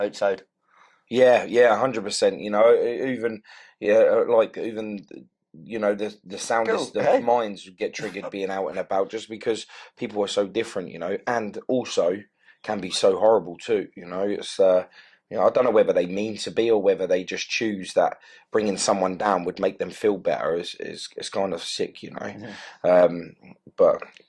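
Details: Adult man speaking; Normal speech.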